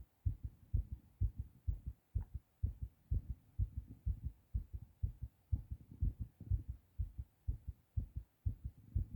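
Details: Strong, regular low thumps at about 125 beats a minute from a man's heart recorded just after a hard cough while recently sick; a fast, pounding heartbeat (tachycardia).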